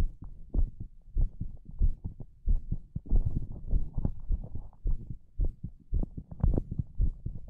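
Deep thumping beats at roughly 98 per minute, somewhat uneven in spacing and loudness, with a muffled, close-up quality.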